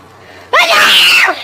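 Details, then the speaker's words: A single loud, hissing sneeze burst altered by a voice-changing effect; the person says "hold up, let me just sneeze real fast" before it and "all right, I'm good" after. "i hold up let me just sneeze real fast all right i'm good"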